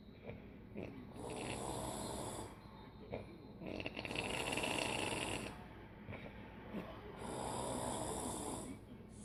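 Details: Heavy snoring in a sleeping female, building up before a loud blow: loud, rasping snores on each breath, about 2–3 seconds long, with quieter breaths between.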